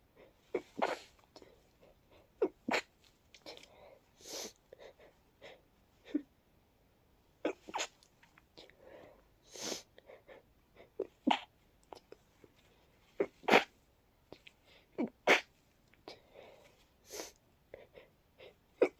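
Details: Repeated breathy, very congested sneezes with sniffs and wet nasal noises in a long fit at night, from someone coming down with a cold.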